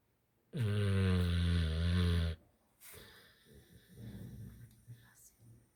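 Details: Pitbull dog snoring heavily while sleeping: a long, loud, rattling low snore of about two seconds, then softer snuffly breathing.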